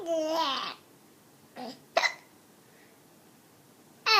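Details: 4-month-old baby hiccuping while babbling: short, abrupt catching sounds between infant babble.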